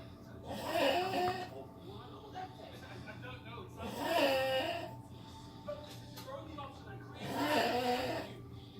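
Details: Snoring in a sleeping man: three rough, rattling snores at a slow, fairly regular pace, about 18 breaths a minute, over steady low room hum.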